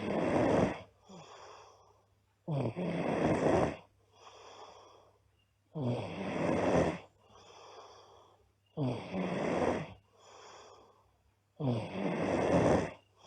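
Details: Loud, regular snores on each in-breath with softer out-breaths, about 20 breaths a minute, from a sleeping girl; steady heavy snoring.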